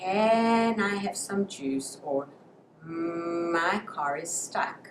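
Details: Acted: a speech-language pathologist imitates a preschool child's stuttering prolongations, stretching out sounds or syllables; stuttering prolongations.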